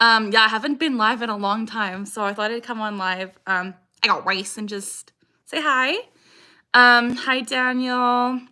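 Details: Female with Tourette syndrome, tics since early childhood, diagnosed at 12, taking three medications; vocal tic phrase "I got rice" appearing mid-sentence: vocal tic (Tourette syndrome)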